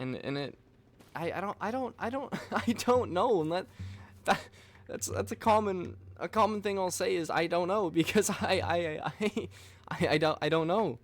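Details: Stuttering in a man who reports stuttering his words and repeating the same things over and over.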